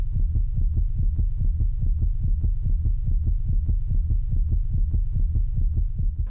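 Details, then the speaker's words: Deep, regular heartbeat at roughly 95 beats a minute with no extra sounds: a recording of her organ donor's heart, used as the ending of a song. "but Mahoney says the most special part of the song is its ending when you hear her donor's heart"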